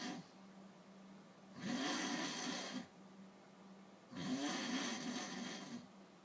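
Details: Drunken man snoring: two loud, rough, rattling snores on the in-breath with quieter breathing between, about one every two to three seconds.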